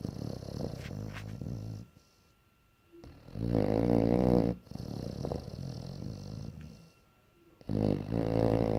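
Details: Bloodhound dog sleeping and snoring: loud, rumbling snores about every five seconds, like a jet engine, with quieter breaths and brief pauses between.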